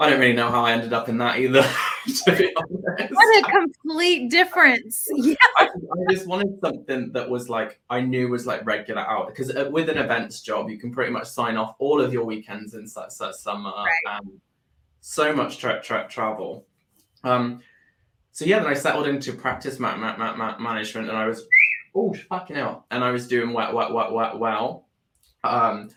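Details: Adult man with Tourette syndrome that began about four years earlier after seizures and brain swelling; tics include whistling, shouted words, head and arm tics; stammer with repeated words, worse under stress. Vocal tics with stuttering.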